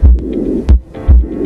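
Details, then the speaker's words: Normal first and second heart sounds: low, dull thumps heard by stethoscope during a nursing cardiac exam of an adult male patient, auscultating the aortic, pulmonic, tricuspid and mitral areas for regularity, with background music. "Dengan menggunakan stetoskop, dengarkan regularitas bunyi jantung satu dan du"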